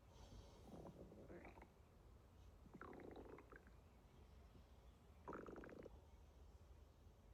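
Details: Girl on waking: three gurgling, groaning stomach rumbles, each about a second long, rising and falling in pitch over low room noise; stomach growling (borborygmi).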